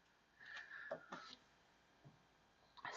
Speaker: our old pug is not doing too well she's 14 so she's getting there you hear her snoring in the background that's what that noise is behind me is her